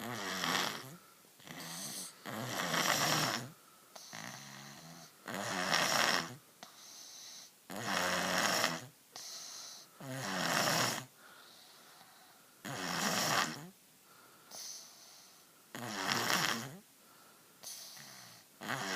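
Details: Rattling snores with each breath, about 23 a minute, with louder inhaled and softer exhaled sounds; ordinary snoring.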